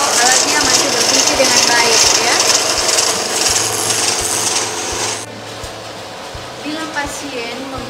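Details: Steady rough motor hum with hissing airflow that drops when the catheter tip, dipped in 0.9% saline, is occluded by the thumb: a suction machine tested and working properly before airway suctioning.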